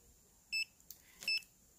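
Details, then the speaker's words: Contec CMS60D-Vet veterinary pulse oximeter clipped on an adult human's ear while talking, giving two short high beeps as it picks up each pulse; it read 99% oxygen saturation and 88 beats a minute. "All right, so it's picking up my pulse,"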